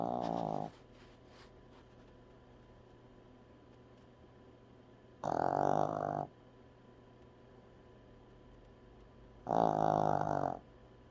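Three loud, buzzy, vibrating breaths about every four to five seconds, with quiet between them: snoring, roughly 13 breaths a minute.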